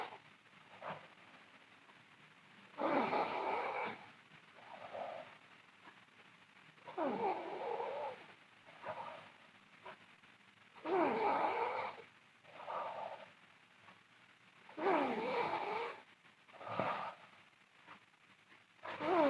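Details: A sleeping girl snores loudly and roughly on each breath in, about 15 a minute, with quieter breaths out between them.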